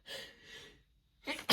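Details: A woman hiding at work during a sneezing fit, stifling it and then sneezing loudly, sniffly and tickly: a short breathy catch, then a sudden sharp burst of air, a sneeze mid-fit.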